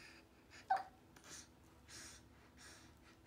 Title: Hiccups in the Bathtub